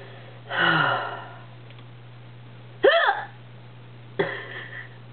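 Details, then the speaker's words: Person with persistent hiccups that won't go away: three abrupt, voiced gulping sounds with irregular spacing against a steady low hum; hiccups. "dude yes that is a hiccup my dad used to yell at me as a kid because he thought they were F fake"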